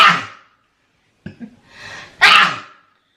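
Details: Sick person with repeated sneezing and inflamed, watering eyes: explosive bursts of air with a sharp hissing release and a quick inward catch of breath before the last one; sneezing.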